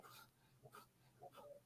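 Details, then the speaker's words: Faint, rough snorting snores from a sleeping pug, heard in the background of a quiet room. "you hear my pug snoring i should mute myself you want to mute me real quick matt absolutely not enjoy the plug"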